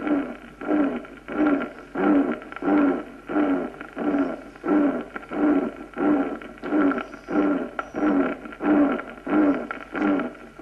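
Regular heart cycles at about 90 a minute, each carrying a blowing, partly musical murmur: early diastolic decrescendo murmur of aortic regurgitation.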